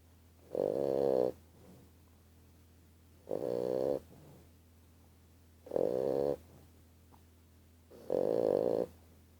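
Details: Five-month-old bulldog puppy snoring while asleep: four regular rattling snores, about one every 2.5 seconds (roughly 25 breaths a minute), with quiet gaps between.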